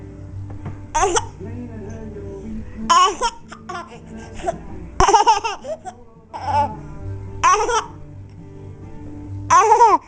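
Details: Young child with hiccups: about six short, abrupt voiced bursts roughly every two seconds, over faint background music.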